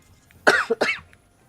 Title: Girl coughing 87